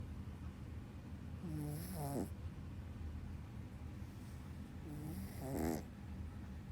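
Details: A sleeping dog snoring: two soft snoring breaths, each with a brief nasal whistle, over steady room noise.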